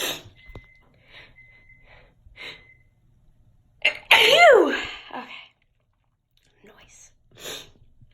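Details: A single sharp sneeze burst with a falling voiced tail, among quiet clicks and short breathy sounds: sneezing.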